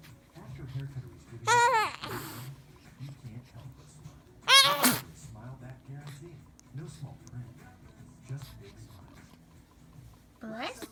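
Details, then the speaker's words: A dog gives three sharp, snorting sneezes, spaced several seconds apart, in a quiet room. "Oh, honey. Now good sneeze. Are you done? You got any more sneezes?"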